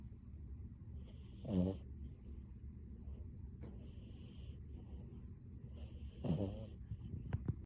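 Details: Sleeping blue French bulldog puppy: two snorting, rattling breath sounds over a steady low room hum with faint intermittent squeaks; snoring.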